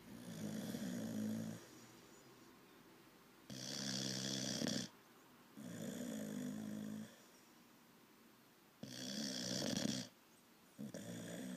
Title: Olde English Bulldogge puppy 6 months Snoring